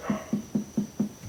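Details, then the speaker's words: Abdominal percussion in a 26-year-old man, four quadrants: five evenly spaced hollow, drum-like taps with a faint steady background whine; tympanic throughout, within normal limits; tympanic percussion note. "timpani timpani dari pemeriksaan perkusi di abdomen semua timpani berarti dalam batas normal"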